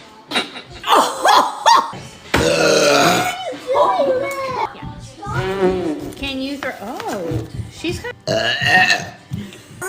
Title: BURPS !!!